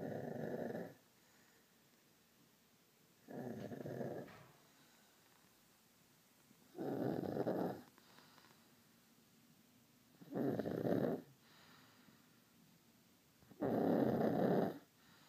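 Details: 18-month-old boy who has snored since birth, asleep: five loud, rough snoring breaths, about 18 a minute, separated by quiet gaps; snoring.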